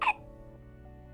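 A single short, sharp hiccup from an infant simulator, followed by quiet background hum.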